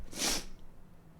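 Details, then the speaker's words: Adult woman streaming in a hot, stuffy house announces she is about to sneeze, then gives a single short, hissy sneeze followed by quiet. "Peraí que eu vou espirrar. Caralho."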